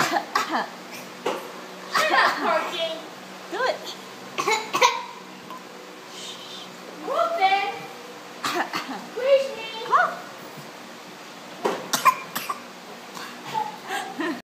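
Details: Young child's short, deliberate cough bursts, a voluntary fake cough done to get what he wants, not an illness cough.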